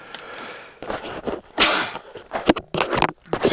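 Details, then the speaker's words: Adult male lecturer sneezes once during an endocrinology lecture, then says excuse me. "excuse me I just sneeze"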